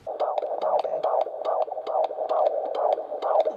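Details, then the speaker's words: Mother 28 weeks pregnant with her fourth baby, who is anemic, at a midwife appointment: rapid rhythmic whooshing gallop of the fetal heartbeat on Doppler, about 140 beats a minute: fetal heartbeat on Doppler. "listen to baby's heartbeat which actually took a little video off for my partner because obviously he still can't come to any of these appointments so I'll just insert a little clip of that here"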